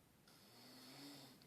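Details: Soldier snoring in barracks, recorded from across the room: a single drawn-out, buzzing inhaled snore with a rough, tonal rattle; very loud snoring heard even at a distance.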